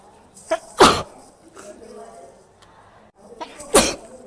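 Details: Girl sneezing: two sharp explosive sneezes, each preceded by a brief in-breath, in a quiet room.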